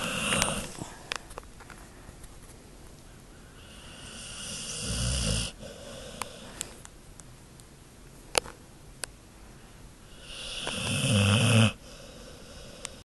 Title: Monkey snoring